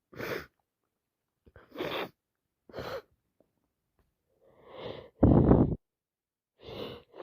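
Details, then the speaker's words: Repeated wet sneezing lasting about an hour, with a constantly full nose and nose-blowing; unsure whether it is a cold, allergies, or both. Series of short sneezes and snorts, with one forceful wet sneeze near the end. "Just need to sit next to someone that doesn't mind me sneezing and sneezing, sneezing. Was in the pharmacy earlier and I had a bit just like this."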